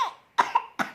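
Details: Child, still coughing, gives a quick run of about three short, sharp coughs in a small room.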